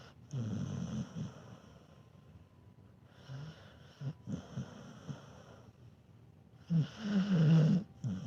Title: Dog snores not too bad. Dog snoring when sleeping